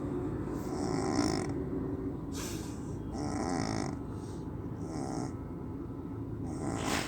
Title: Pug Dog Snoring #viral #pug #shorts#dogs #oreo